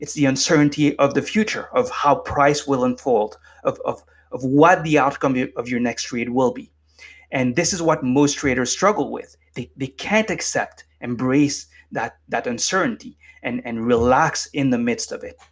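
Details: Adult man with lifelong stuttering, formerly unable to form a coherent sentence without repeatedly stumbling, now managed with meditation so it is barely audible; stuttering.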